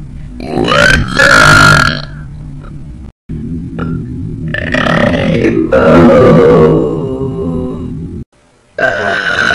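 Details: About four long, loud, croaking belches in a row with music playing in the background; repeated burping in a one-minute belching clip that also includes a few hiccups.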